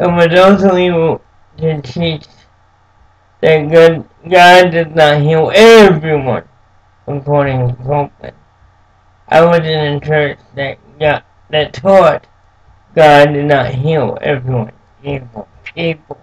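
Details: Speech affected by cerebral palsy present since birth in an adult man, who says it makes him move and speak differently.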